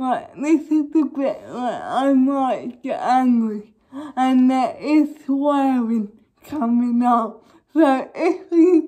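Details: Young woman with cerebral palsy causing involuntary movements, recently fitted with braces on top and bottom teeth; dysarthric speech (cerebral palsy).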